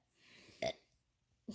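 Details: A 5-year-old boy who has learned to make himself burp: a single short voluntary burp, a normal harmless sound.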